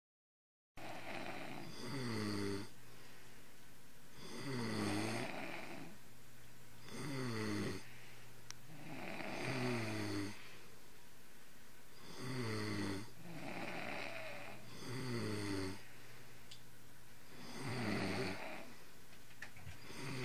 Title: Dad and Son Snoring